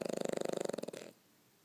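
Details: A single snore: a brief, fast fluttering rattle on one breath, then fading to quiet.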